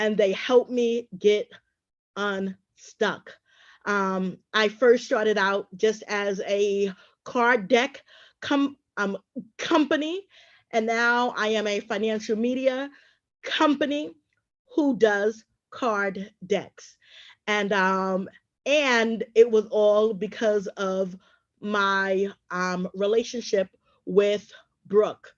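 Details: Adult woman who stutters and is also a traumatic brain injury survivor, with pauses; stuttering.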